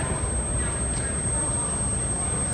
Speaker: Okay, so what I've given you is tinnitus. If you've ever been to a rock concert, been around loud machinery, you get that ringing in your ears and then it goes away.